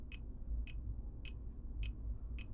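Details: Fingertip pulse oximeter beeping regularly at about 105 per minute over low room hum during a third check, readings about 95–103, measured simultaneously with a Realme Watch 5 smartwatch heart rate monitor.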